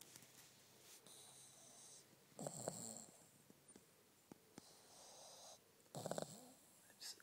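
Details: Kevin, a sleeping pug with eyes rolling back in his head, snoring; snorting, rattly snores on breaths in, roughly 17 a minute, over faint room noise.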